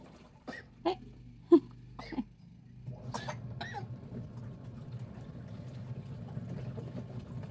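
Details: Four short, soft coughs from an infant who has a cough, recorded outdoors while being sunbathed to help recovery, followed by low rumbling background noise.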